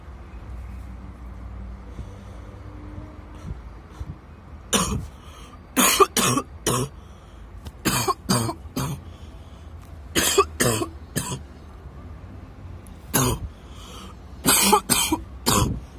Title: coughing fit by dust allergy while i'm smoking